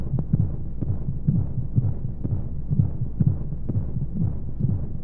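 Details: Womb-sound baby sleep aid: muffled low heartbeat thumps in pairs, roughly 40–45 a minute, under steady whooshing white noise; heartbeat as heard in the womb.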